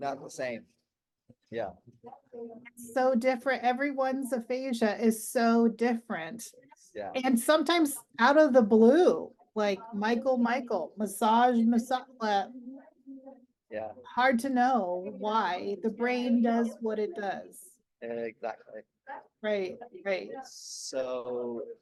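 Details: Adult woman speaking; ordinary speech.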